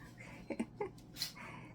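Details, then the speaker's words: A few quick nasal snorts, then a sharp hissing burst from a cat, Castro, sneezing repeatedly; sneezing. "Castro, stop sneezing everywhere. I also have 2 cats, and he's sneezing everywhere."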